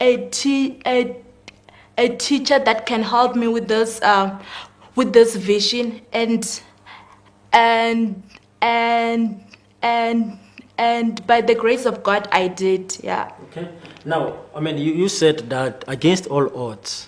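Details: Male guest who confirms he has stuttering; stuttering.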